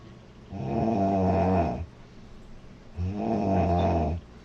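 Two long, loud, rumbling snores on breathing in, each over a second, with quiet breathing between; snoring.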